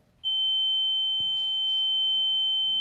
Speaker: we learned that there are 13.4 million Americans working within construction and Manufacturing in hazardously loud environments that can lead to long-term hearing damage and conditions such as tinnitus a rigging in the ears that sound similar to this